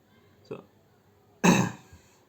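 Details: Vlogger speaking about switching to English content gives a soft throat-clear and then a single harsh cough during a pause in speech. Cough.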